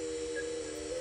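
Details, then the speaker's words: Cataract surgery by phacoemulsification. A steady musical tone from the phaco machine rises in pitch; higher pitch signals higher vacuum and good holding of the nucleus, giving auditory feedback before chopping. Phacoemulsification vacuum feedback tone. "So that's the reason why the phaco machine makes a noise, is you need to understand what the vacuum level is without having to look at a gauge or a dial. And by hearing it, you can tell that the vacuum's high, because the pitch of the sound is high, the vacuum's high."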